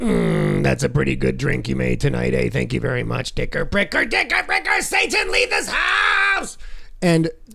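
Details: Acted comedic imitation, not a real patient: a character with a fake case of Tourette's who swears a lot and uses a voice box after emphysema; imitated electrolarynx voice with vocal tic-like outbursts.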